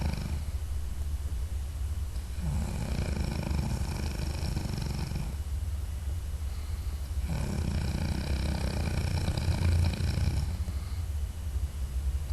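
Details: Adult man snoring while asleep at night, audio only: loud, low rattling snores in two long breath cycles, each several seconds, over a steady low hum; heavy snoring.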